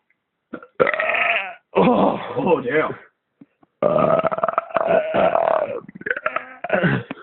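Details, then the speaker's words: Several long, loud, deliberate belches in a row, each a drawn-out low rumbling voice-like burp from the throat, during a beer-drinking belching session; voluntary belching. "so so far excessive burping can cause stomach ache hiccups"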